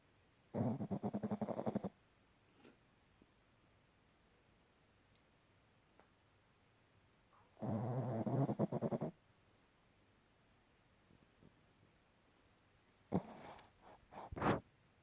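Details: Sleeping dog: rattling, fluttering snores on inhalation, each over a second long, spaced by quiet pauses of several seconds; snoring.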